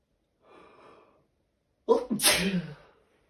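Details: A soft, breathy intake, then one loud, explosive sneeze in a quiet room, possibly the start of a cold; sneeze.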